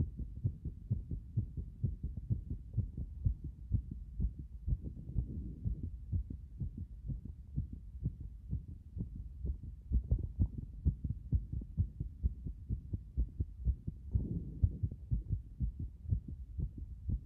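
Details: Steady, rapid, forceful pounding heartbeat at about 128 beats per minute, heard after getting out of a bath.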